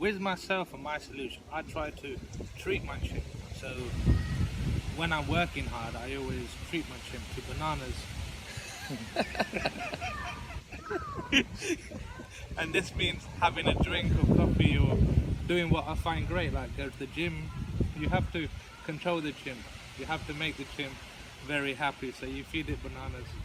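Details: Adult male podcast guest who stammers, speaking on a stuttering podcast; stuttering.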